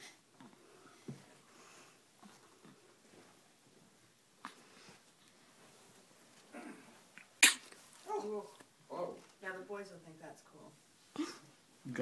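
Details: Child who has the hiccups: quiet room noise, then a sharp sneeze-like burst followed by soft voices and small vocal sounds.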